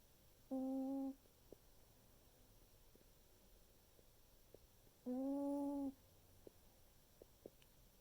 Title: Dandelion snores